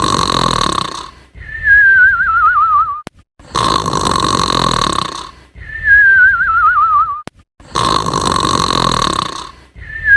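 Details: Simulated animated cartoon snoring from a children's cartoon episode: loud rhythmic exaggerated snores, each a rattling inhale followed by a wavering whistled exhale, repeating steadily.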